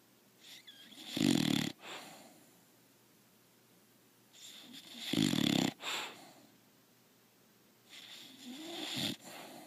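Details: Loud, rattling snores from a contentedly sleeping bulldog, two full cycles and a softer third, each inhalation harsh and fluttering: snoring.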